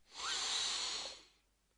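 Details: Acted doctor-patient chest exam of a man with suspected angina and blood pressure 130/80; a single deep, airy breath with a steady rush of air, lungs clear with no wheeze or crackle: normal breathing.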